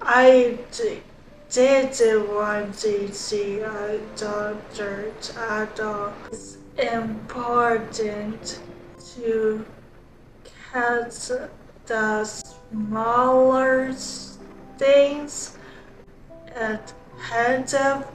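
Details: Young woman who had multiple strokes at age 25 in 2021, with limited use of her right side, after outpatient rehabilitation; aphasia with apraxia of speech.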